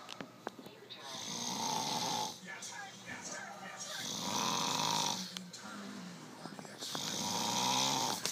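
Three long rasping snores with a buzzing flutter, separated by quieter breaths, about every three seconds.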